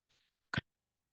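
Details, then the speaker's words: Spoken imitation of coarse crackles, as heard in pneumonia or pulmonary edema: a faint breathy hiss, then one low, loud popping burst. "those are the cost crackles you'll hear them in pneumonia or um cases of pulmonary edema"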